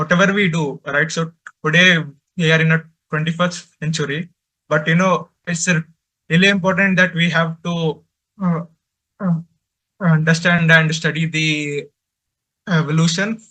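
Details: Man who stutters, presenting for a stammering association at a stuttering conference; he reports difficulty speaking, especially with different people, and mentions blocks while speaking; real stuttering.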